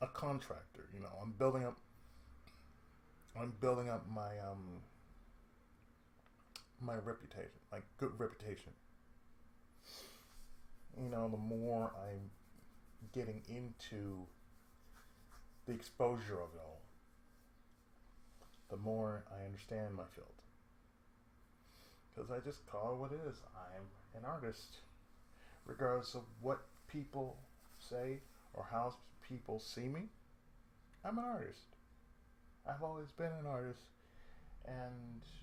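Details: Adult man with cerebral palsy, who reports speech problems since childhood and a lisp at times; speech affected by cerebral palsy.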